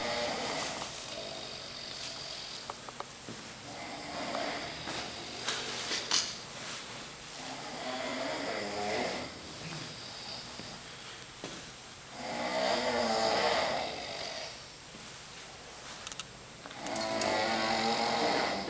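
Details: Irregular, loud, overlapping rough snores from several sleepers in a shared Quonset hut, with room noise and occasional clicks.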